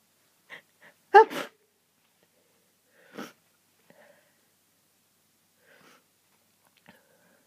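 A loud sneeze burst followed by a few smaller, stifled sneezes; a sneezing fit from hay fever.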